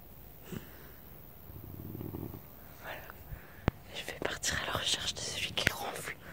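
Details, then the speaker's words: Person snoring at 1 a.m. on an equestrian farm trip: a low, rough, rattling snore, then faint whispering, rustling and sharp clicks in a quiet room. "Il est 1h du matin. Écoutez, ronfle comme un gros cochon."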